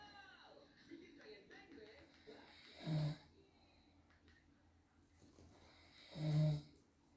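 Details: Father asleep and snoring, filmed because he did not believe he snores: two low, deep snoring breaths about three seconds apart, with faint room sounds between.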